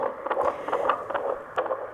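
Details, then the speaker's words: Recorded fetal heartbeat played from a heartbeat bear toy from a maternal-fetal specialist, mother over 40; rapid muffled rhythmic whooshing, about 150 per minute. "The baby's heartbeat's in the bear."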